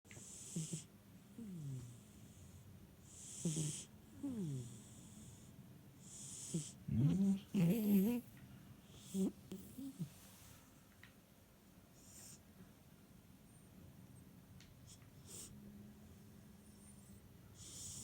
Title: Fat cat snoring